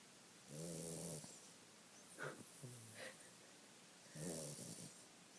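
Two long, buzzing, rattling breaths with short snorts between them, heard in a quiet room: snoring in a sleeping dog.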